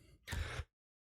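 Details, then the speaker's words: Adult man who is ill and still dealing with a chesty cough gives one abrupt, deep cough burst; chesty cough. "Excuse me, I'm still dealing with a chesty cough here."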